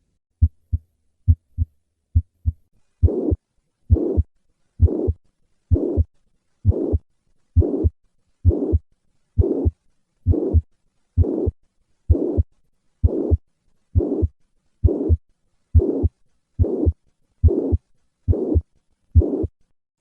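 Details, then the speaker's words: Mitral regurgitation: a holosystolic murmur of constant intensity, heard best at the apex with the patient in the left lateral position, radiating to the left axilla when the jet is directed posteriorly. "this murmur is heard best at the apex with the patient in the left lateral position"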